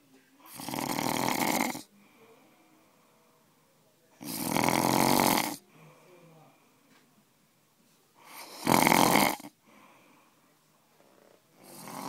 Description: snoring away during tamale day